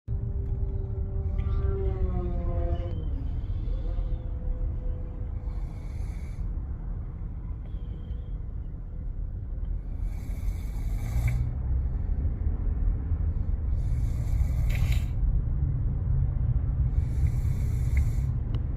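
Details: Snoring: rough, rumbling snores with noisy breath bursts every few seconds over a deep, constant background rumble.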